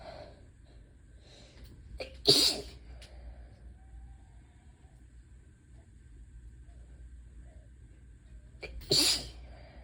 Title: Hitchy, teasing sneezes pt. 2 (with another tease at the end! 🙈)